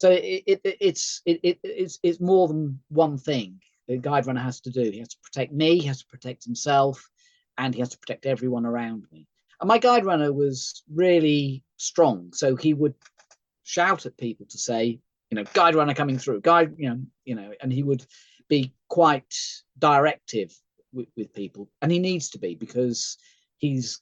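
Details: Aphasia in an adult male runner after a thalamic stroke, with type 2 diabetes and partial sight; occasional hesitations or failure to find the right word, recorded on a good day.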